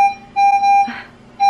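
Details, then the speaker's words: Repeated high electronic alarm tones from a home pulse oximeter on a baby born at 29 weeks, home on oxygen via nasal cannula; the alarm signals the sensor needs changing, not low oxygen; pulse oximeter alarm. "his monitor going off now but it's not actually alarming because he's low in oxygen it's alarming because we need to change the sensor"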